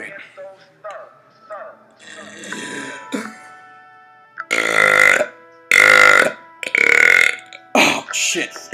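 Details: A person showing off burping: several loud, long, voiced back-to-back burps after brief talk, with music and laughter in the background.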